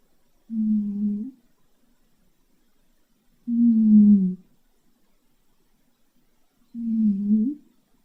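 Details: Sleeping cat snoring loudly: three long, low, moaning, whale-like tones about every three seconds with quiet between.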